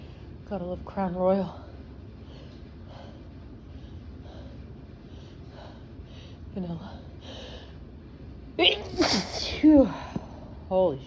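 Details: Sneezing after drinking alcohol: voiced sounds and talk, then a loud, sudden sneeze with a sharp intake of breath before it, over steady room noise.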